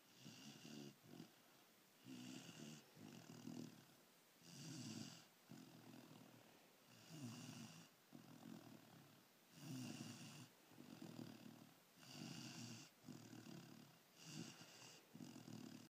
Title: Kaya the labrador pup snoring